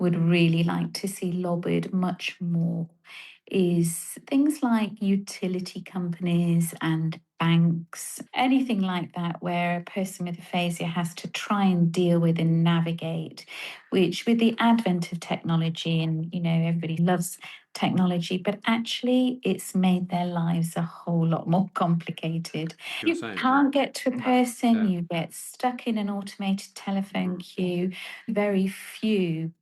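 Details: Adult woman speaking; Normal fluent speech.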